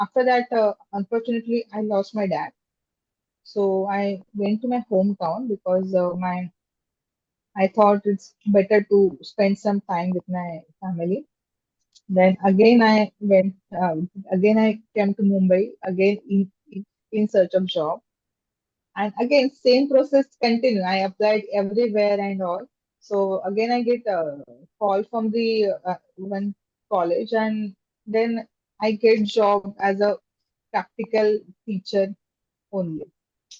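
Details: Stammering (stuttering) in an adult woman, a software engineer, who became aware of her stammer in seventh standard, speaking in an interview.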